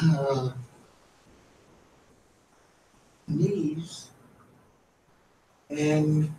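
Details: Adult man in an archival recording, struggling to get words out: Broca's aphasia.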